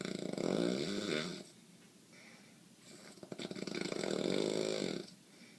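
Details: Person with sinus congestion every night causing breathing problems: loud, rattling snores on the in-breath, separated by quieter out-breaths; snoring.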